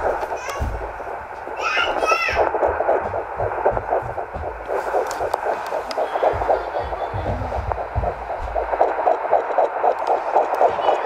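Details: Rapid, soft whooshing pulses around 230 a minute: normal fetal puppy heartbeat heard through the pregnant dog's belly, at least one puppy, due January 28th.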